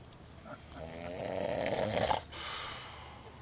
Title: I don't Snore...